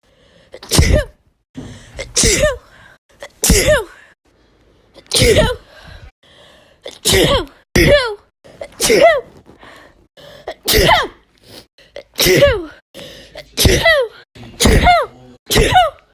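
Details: A run of sneezing lasting 32 seconds, at regular speed: about a dozen loud sneezes, each preceded by a sharp in-breath; repeated sneezing.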